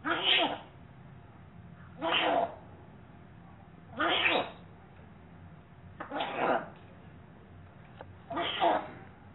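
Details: A parrot sneezing: five short, sharp, hissing bursts about two seconds apart, repeated sneezing.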